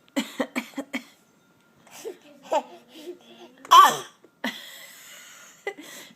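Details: Imitated cough: a young child mimicking coughing gives a quick series of about five short, light pretend coughs, then vocal play and laughter.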